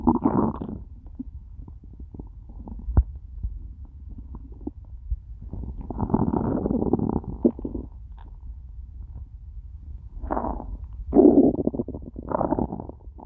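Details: Stomach after eating nothing all day, stomach starting to hurt by end of recording: long low gurgling and rumbling, rising and fading; hunger growling, borborygmi.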